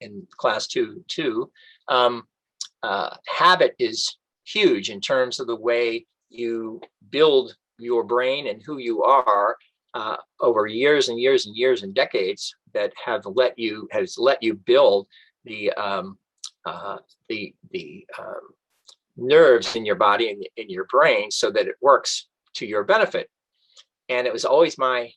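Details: Adult man with aphasia after a stroke, self-recorded reading a book aloud during a two-year recovery; some stock phrases intact, other words not retrieved or pronounced; aphasia.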